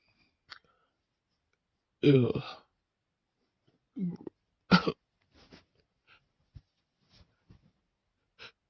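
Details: An intense sneezing fit induced by sniffing too much chhinkni (snuff): a few sharp explosive bursts, some with a breathy lead-in, separated by quiet pauses, in a quiet room.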